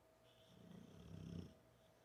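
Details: American Bulldog asleep on a couch, snoring non-stop, recorded from six feet away with no microphone or amplification: a single soft, low, rattling inspiratory snore that rises and then fades.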